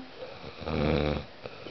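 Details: Man sleeping while spoken to: a single deep, buzzing snore on an in-breath, with quiet breathing before and after; snoring.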